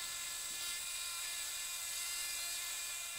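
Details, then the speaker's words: Surgical saw making a flat cut to downsize the condylar region of the toe during hammertoe correction with a PIP implant: steady high-pitched whine of a powered bone saw cutting bone. "so we go ahead and just remove a little bit of the condyle i'm going to go ahead and do a flat cut with the saw"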